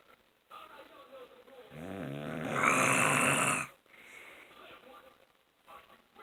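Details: Single loud rattling, buzzing snore on an in-breath, rising then stopping abruptly, from an adult man (a father) snoring all night; quiet room.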